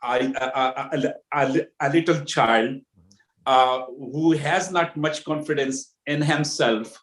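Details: Adult man with stuttering since childhood, worse when nervous, varying from day to day between heavy stuttering and fluency.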